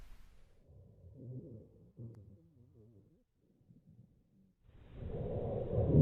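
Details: Simulated exam with stethoscope over the left lung base, where percussion was dull: harsh bronchial breath sounds from consolidation.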